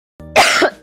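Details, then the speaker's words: Single short, forceful acted cough from an adult woman, preceded by a brief voiced onset; cough. "Akak, akak okey tak daripada depan tadi dengar akak ni batuk-batuk"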